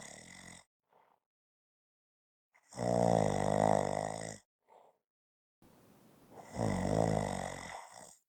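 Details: Snoring: loud, rough, rattling breaths on inhalation separated by quiet pauses, with a brief snort between them.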